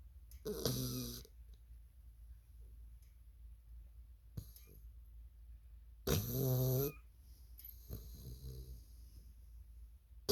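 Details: Sleeping bull mastiff: two loud, harsh, rattling snores in about ten seconds, with fainter breathy sounds between over a low steady hum; snoring likened to a man's.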